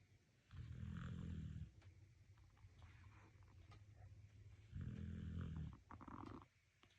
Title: TIK TOK DOG. Храплю и крепко сплю. I snore and sleep soundly.